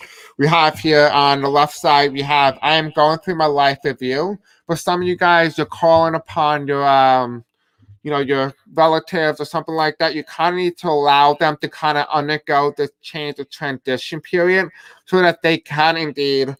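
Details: Deaf speech (deaf accent) in a male speaker who self-identifies as having a deaf accent.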